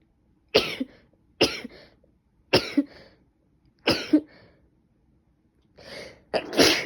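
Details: Five sharp sneezes in quick succession, each a sudden explosive burst with a short breathy tail, from a female with allergies who has been sneezing since the previous night; allergic sneezing.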